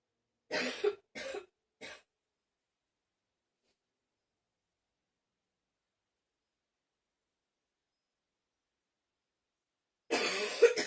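Three quick harsh coughs, a long pause, then another coughing burst; a recurring dry cough.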